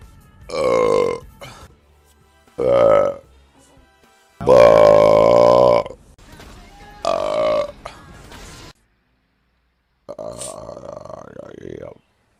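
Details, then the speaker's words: Female live streamer gives four loud, drawn-out voiced belches, then a shorter one after a pause, with faint music behind; repeated burping, followed by her apologizing that it was unladylike. "but I apologize uh oh excuse me sorry this was so unladylike"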